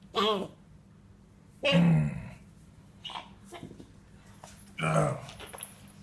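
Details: A 37-day-old Labrador puppy with a throat infection after eating something hard that scratched his throat, treated with vet-prescribed cough syrup: a few short, hoarse honking coughs with quiet gaps between.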